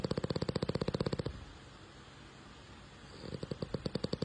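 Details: Young French bulldog snoring while asleep: rapid, regular low fluttering bursts about four per second, pausing briefly then resuming, a fast purring snore.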